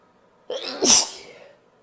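One loud, forceful sneeze with a brief rising intake and an explosive hissing burst; an ordinary powerful sneeze.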